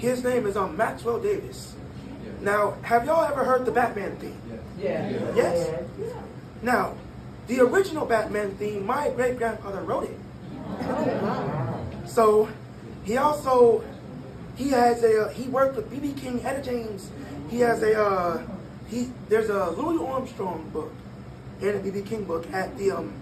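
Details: 22-year-old man born prematurely at about one pound, vocal folds developing after birth and still not closing fully; breathy dysphonia.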